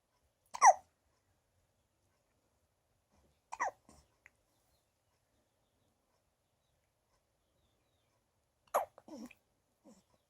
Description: Just over a week old, she gets the hiccups fairly often. I happened to catch this one.